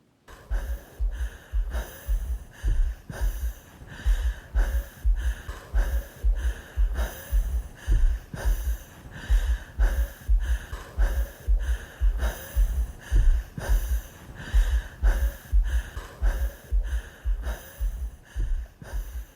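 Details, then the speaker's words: Loud, effortful gasping breaths, about 11 a minute, played in a talk on respiratory neurophysiology to illustrate breathlessness (dyspnea) in patients with respiratory failure: labored, distressed breathing. "Chaque respiration va pouvoir devenir une douleur. Et à ça va immédiatement être associée la peur de mourir. Est-ce que la prochaine respiration va rentrer dans mes poumons?"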